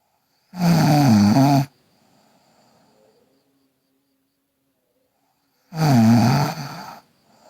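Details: Two loud, rough, buzzing breaths about five seconds apart from a sleeping girl, quiet breathing between, roughly 12 breaths a minute: snoring.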